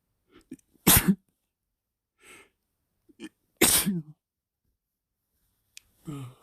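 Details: Wet sneezing fit induced by sniffing chhinkni (sneezing powder): two sharp, wet, somewhat forceful sneezes with short intakes of breath and snuffles between them.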